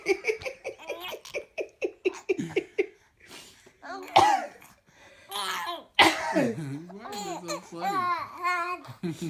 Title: Twins Laughing at Mommy's Cough